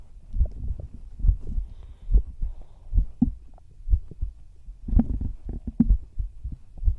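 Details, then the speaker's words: Heartbeat heard through the chest in whispered roleplay ASMR, while lying down together to sleep; soft low thumps at roughly 68 a minute with rustling and handling noise; normal heart sounds. "も今ね、自分の心臓の音を聞いて"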